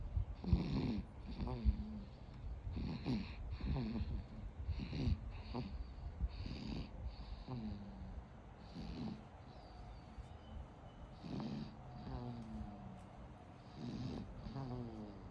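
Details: A baby falling asleep: soft, irregular snoring breaths, about one every one to two seconds, with faint room noise; snoring.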